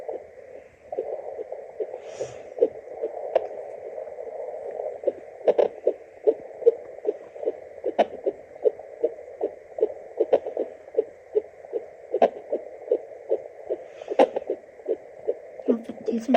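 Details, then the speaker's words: Fetal hiccups heard on a Doppler during pregnancy. "I really thought I didn't know babies could hiccup in your tummy definitely got the hiccups"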